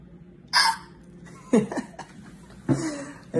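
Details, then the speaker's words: Chimpanzee with hiccups; brief sudden voiced jerks roughly once a second, each a short catch with a soft grunt. "think you've got hiccups. We're gonna have to take care of that."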